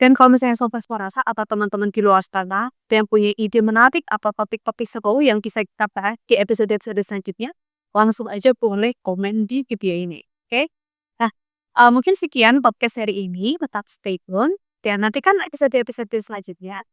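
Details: Adult speaker; ordinary speech.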